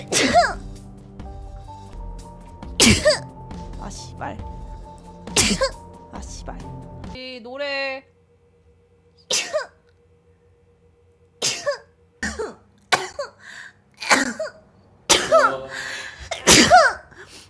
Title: [악녀] 갭모에 개쩌는 이 스트리머의 재채기 모음집 | Bad Girl